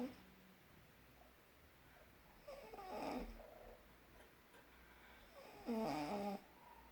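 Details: Two rough, fluttering snores about three seconds apart over quiet room noise; ordinary snoring.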